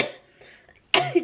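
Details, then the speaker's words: Young woman with a canker sore who has been coughing a lot lately, triggered by inhaling too quickly, throat not sore: a quiet breath then one sharp, loud cough with a throaty tail, in a small room. "I have the canker sore right here so my mouth hurts to talk and then also inhaling kind of is hard because if I inhale too quickly I start coughing really badly it's weird"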